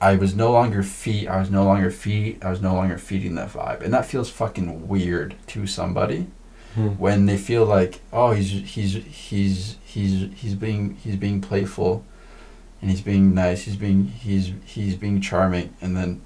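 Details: Stuttering in a female podcast guest who has a stutter; she is stuttering more than usual in this conversation, with word and part-word repetitions.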